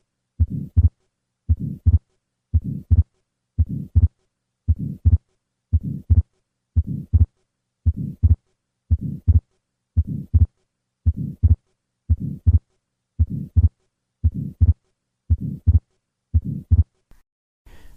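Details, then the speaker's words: Atrial septal defect: regular heartbeat near 58 a minute, three normal beats, then fixed split S2, then soft grade 2–3 systolic flow murmur across pulmonic valve, best at second left intercostal space, patient sitting up. "The murmur of atrial septile defect is a systolic flow murmur across the pulmonic valve coupled with a fixed split second heart sound. Listen to a patient with an atrial septile defect."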